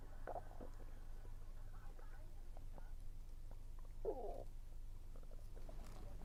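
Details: Stomach rumbling while eating, heavy on a low-pressure weather day: soft gurgles and a brief squeaky rumble over steady low hum, with faint chewing; ordinary bowel sounds (borborygmi).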